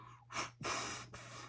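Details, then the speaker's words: Attempted whistle by an adult with recently diagnosed Bell's palsy, first days after onset, stroke tested for in hospital: breathy airy blowing bursts with no whistle tone, unable to whistle from one-sided facial weakness. "By the way, I love whistling. I whistle all the time at work. I can't."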